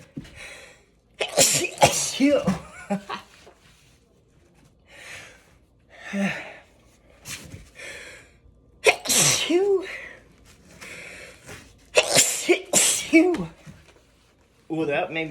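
A run of several loud, explosive sneezes with short breaths and brief voices between them in a quiet room.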